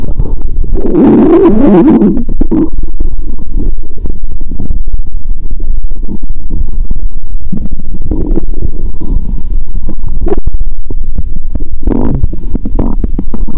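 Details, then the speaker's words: Stethoscope on own abdomen; watery sounds heard even near the heart; loud continuous gurgling and rumbling: active bowel sounds (borborygmi). "Tôi nghe thấy tiếng nước 💧 ♪. Bạn có thể nghe thấy âm thanh của dạ dày ngay cả khi ở gần tim."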